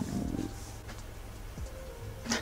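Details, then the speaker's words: Hungry vlogger's stomach growling (borborygmi): low rumbling with gurgling, shifting tones from the belly. "do you guys hear my stomach growling oh my gosh I'm hungry right now"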